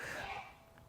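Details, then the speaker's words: Adult sneeze during a recorded talk: brief, muffled burst of air fading quickly into room noise. "But what I'm talking about, the person sneezed if you didn't hear that."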